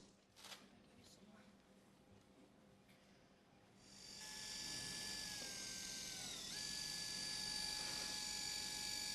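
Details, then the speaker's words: Quiet room, then steady high motor whine with rapid regular ratcheting as a power driver passes the first wire lateral to medial through the leg at the proximal tibial ring, Charcot midfoot reconstruction with external frame, type 2 diabetic with neuropathy. "so I have my assistant hold the leg we're going to pass the first wire from lateral the medial and the proximal ring"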